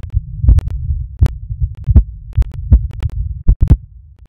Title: heartbeat while m*sturbating